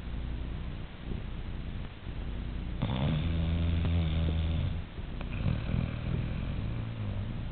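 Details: Animal named Alicia snoring like a human: low, rumbling, vibrating breaths in a noisy recording, with one longer, louder rattle.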